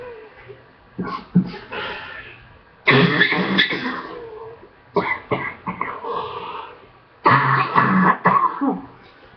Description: Been really sick for the past two weeks cough is finally getting better on second round of antibiotics I will record as much as I can